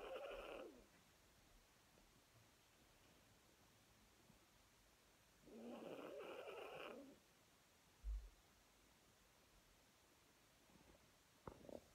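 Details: Two long, rough snoring breaths about five seconds apart against quiet room noise, with a faint snort near the end; snoring.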